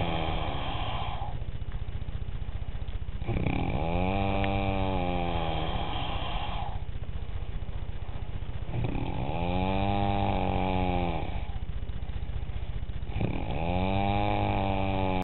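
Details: Heavy snoring likened to a weedwacker: loud, rough, buzzing snores on each breath in, about every four to five seconds, with quieter breaths out between.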